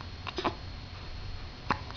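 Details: Hiccups: brief, soft catching sounds, a quick pair and then one more, over steady room noise.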